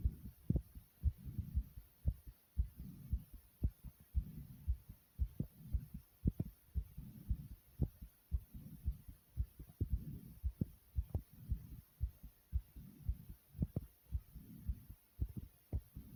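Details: Racing heartbeat (tachycardia) with heavy breathing, fast regular low heart thumps at about 115 beats a minute with soft breathy rushing between them.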